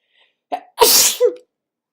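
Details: Sniffly person on waking in cooler weather, not sick, with natural and tissue-induced sneezes: a quick in-breath, then one forceful, explosive sneeze with a short voiced tail.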